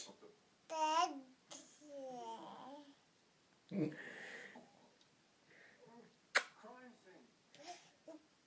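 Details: 9-month-old baby pretending to sneeze: babbling, then a short sharp sneeze-like burst, a playful imitation, with an adult's voice in the background.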